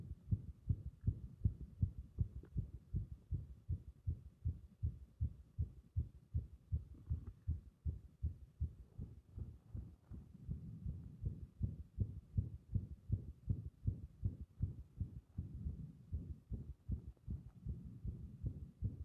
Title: 圧迫で不整脈続発する心臓